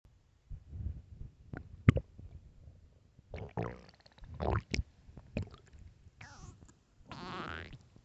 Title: 9 minutes of loud famished stomach growling